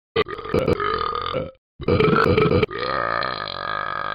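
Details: Deliberate, performed burping in a rap: long, loud, voiced belches, two drawn-out bursts and then a sustained one.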